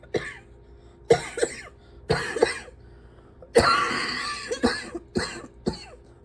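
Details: Persistent cough making breathing difficult: about eight harsh, throaty coughs in bursts with a steady hum behind them.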